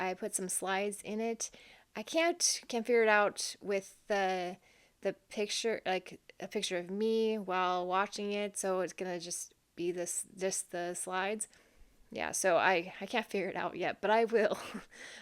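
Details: Adult woman with long-standing aphasia and a right-sided brain lesion seen on CT, with word-finding difficulty, wrong-word substitutions and trouble repeating more than three words; aphasia.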